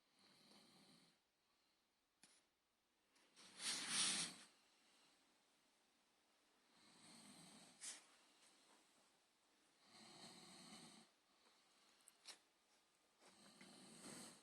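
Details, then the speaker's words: Someone asleep in a quiet room: soft, regular snoring breaths about every three seconds, near 20 a minute, with a louder snort partway through: snoring. "wonder who's snoring."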